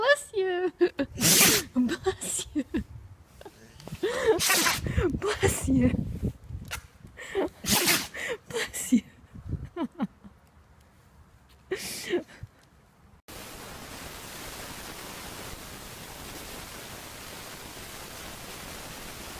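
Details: Dogs sneezing while shaking their heads: repeated short, sharp nasal snorts and sneezes, some with ears flapping, followed by steady background hiss.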